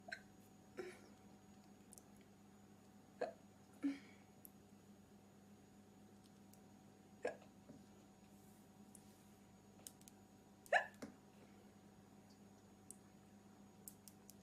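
Brief sharp catches repeat at irregular intervals over a steady room hum, about six in fourteen seconds, typical of hiccups.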